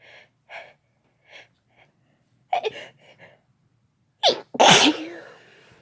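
Soft breathy sneezes and quick double sneezes, then a sharp inhale and one loud full sneeze; ordinary sneezing.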